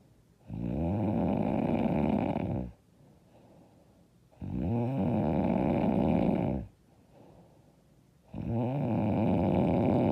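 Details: Loud, harsh snoring on each breath in, about every four seconds, with quiet breaths out between; self-described very loud, hard snoring.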